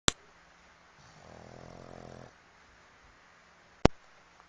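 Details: One soft, buzzing, rattly breath of about a second between two sharp clicks; a single snore during sleep.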